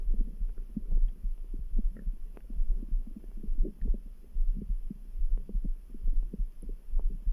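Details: Stomach grumble: low, muffled rumbling with a few brief gurgles over a steady background heartbeat of about 71 beats a minute; normal bowel sounds (borborygmi).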